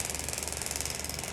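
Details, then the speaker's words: Radial shockwave device on a fleshy point of the forearm, a test before treating hand problems, at the lowest bar pressure 1.4 and the highest frequency 21 Hz: rapid, steady mechanical tapping. The patient already rates pain 4/10. "i'm going to have to bring the bar pressure right the way down 1.4 and we're going to take the hertz all the way up to 21."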